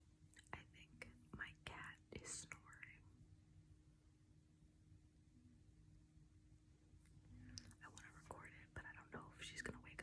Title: Cat snoring